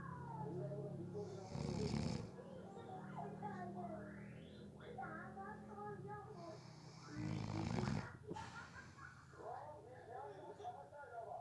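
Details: Two loud, rough snores about six seconds apart, roughly ten breaths a minute, from a person who fell asleep within about 30 seconds during a nap, with background music and voices; snoring.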